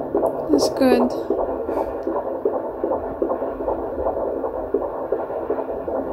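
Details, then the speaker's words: Fetal heartbeat at 14 weeks 2 days of pregnancy on Doppler at a midwife appointment: fast, regular whooshing beats in the 150s, described as good; a normal fetal heart rate. "there it is can i hear it [Music] how is it [Music] 150s that's good good sounds good [Music]"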